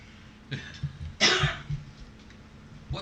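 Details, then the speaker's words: A single strong cough burst from an adult, with a smaller throaty sound just before it, in a quiet room; cough. "Do you guys hear that coughing?"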